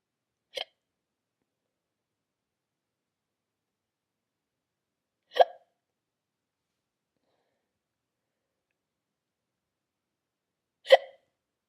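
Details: Simulated hiccups for the character Dobby in a brick-animation contest film: three short, sharp hiccups about five seconds apart, with quiet between them.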